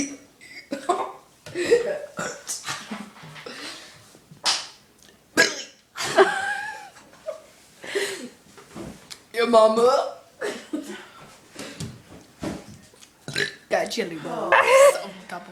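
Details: A boy burping voluntarily: repeated deep, croaky belches mixed with chatter and laughter.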